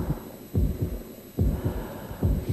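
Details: Normal heartbeat.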